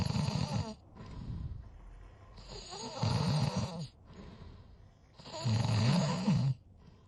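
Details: Ordinary snoring: repeated harsh, rattling snores with softer, breathy out-breaths between them, about three cycles in seven seconds.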